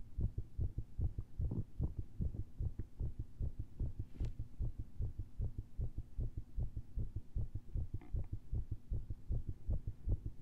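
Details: Stethoscope heart recording via lav mic after heavy caffeine intake, during a standing push into pressure; rapid heartbeat with uneven beat spacing, many skipped beats, premature ventricular contractions.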